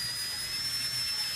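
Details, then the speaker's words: Steady high whine of a dental handpiece run slowly at moderate speed to polish teeth and remove adhesive right after braces removal. "Well, even though the sound is a dental handpiece, we don't have to run this at super high speeds. I know the teeth are oftentimes very sensitive when you take the braces off. We just need enough to do a nice polish, remove any adhesive."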